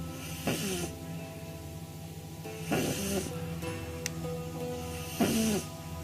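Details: 9-week-old female pug puppy sleeping on her back, eyes rolled back, with short snorting, squeaky breaths every couple of seconds over background music; snoring.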